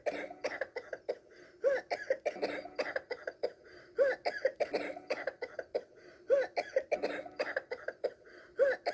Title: fluttershy coughing